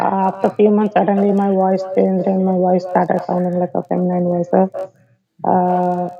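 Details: 16-year-old male, before treatment, keeping his childhood voice after puberty out of habit; described as feminine and high-pitched: puberphonia.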